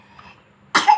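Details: A young child who has been playing and shouting gives one abrupt, harsh cough burst near the end after a quiet moment with faint room noise; cough.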